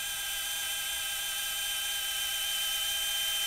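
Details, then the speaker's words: Steady high-pitched powered surgical drill boring a pin hole to the laser line in the patella during MPFL reconstruction with 3.9 mm BioComposite SwiveLock anchors. "guide comes off so now we're going to over drill with our 4-0 drill bit to the depth of the laser line"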